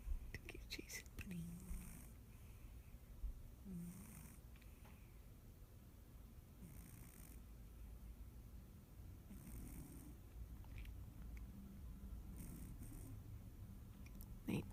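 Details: Soft, low rumbling snores with faint rhythmic snorting breaths against a steady background hum; quiet snoring.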